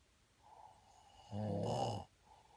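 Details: Snoring: a loud, low, rattling snore on the in-breath, with softer breathing before and after.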